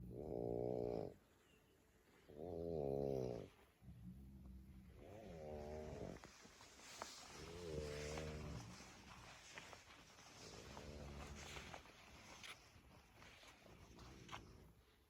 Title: Woke up to this. Snoring😁